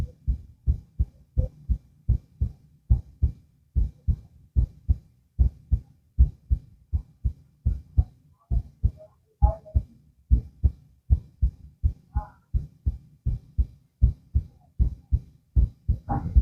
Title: heart auscultation (laying down)